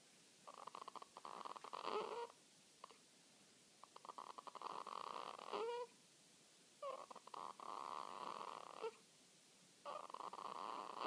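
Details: Newborn girl a few hours old, asleep, making soft rhythmic snorting noises with each breath, about four per ten seconds; harmless newborn nasal snoring during sleep.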